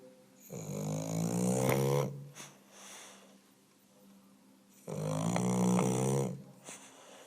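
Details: Two long, loud, rattling snores with a low vibrating tone, separated by quieter breathing; English Bulldog, a flat-faced dog, snoring.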